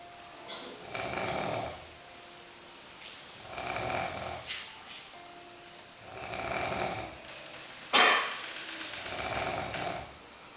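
Four raspy, breathy snores about every 2.5 seconds, roughly 24 breaths a minute, with a sharp snort near the end.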